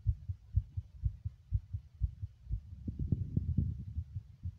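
Muffled, fast heartbeat, roughly 120 beats a minute, with low thumps partly blurred by rustling noise.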